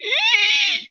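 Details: An adult imitates stridor, mainly inspiratory, in a teaching talk on laryngomalacia, foreign body and laryngeal trauma: a harsh, high-pitched, musical noise drawn in through a narrowed airway.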